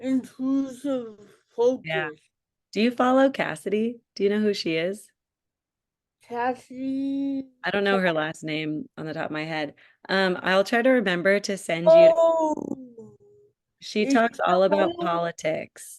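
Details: Adult woman speaking; typical speech.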